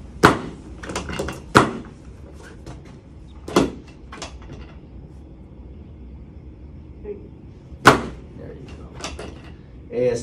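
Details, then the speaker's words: Several loud sharp clacks at irregular intervals in a quiet room from a spring-loaded chiropractic adjusting board during ankle adjustments in a patient told she has scoliosis with flat feet; the sound is the board, not the joint. "I'm going to be using my speeder board. I don't know if you've seen this or not yet. Sound is the board, not your ankle breaking, okay?"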